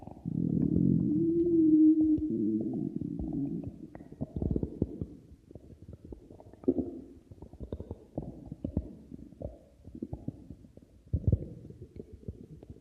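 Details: Stomach growling: a long, low gurgling growl gives way to rapid bubbling pops and rumbles as gas and fluid move through the gut, borborygmi.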